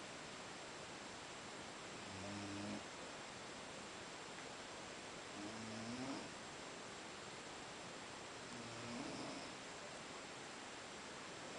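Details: Snoring after a long day at Boiçucanga: three soft, rumbling snores about every 3 seconds, heard faintly through steady background hiss.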